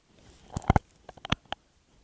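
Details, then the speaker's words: Dog giving a brief sneezing bout, a quick run of short, sharp nasal snorts and puffs. "and that noise is pablo having a sneeze and"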